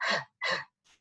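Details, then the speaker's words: Huff cough (forced expiration technique) demonstrated for post-operative airway clearance: two forceful open-mouth breathy exhalations, then a faint third, to clear secretions. "but if patients are really struggling with deep breathing and coughing to move to like huffing not huffing where we're inhaling solvents but actually huffing to just instead of a full cough just to do"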